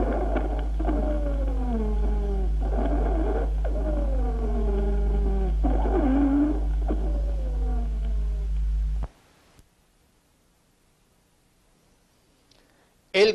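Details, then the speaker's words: Several musical, falling whistling tones repeat with each breath over a low steady hum, heard during an asthma attack: polyphonic wheezes. "escuchemos los juntos en una crisis de alma"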